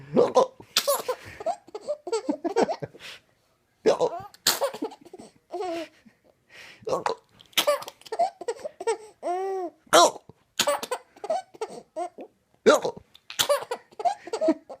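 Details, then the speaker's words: Young child laughing and babbling, with the laughter broken by short, sharp hiccups; an adult asks whether laughing too much caused them: hiccups. "you got the hiccups yeah you got the hiccups you got the hiccups do you have the hiccups can you do a little hiccup for me a little one"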